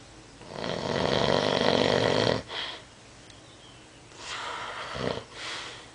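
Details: Sleeping person: a long, loud, rattling snore on the in-breath followed by quieter breaths in a small room; snoring.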